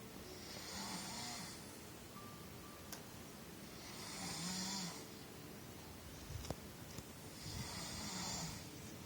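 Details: Three long, rough, hissing snores, about 17 a minute, with faint music in the background; snoring.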